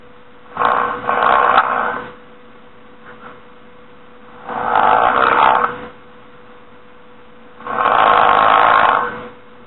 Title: This is how snoring sounds like and This is how it looks like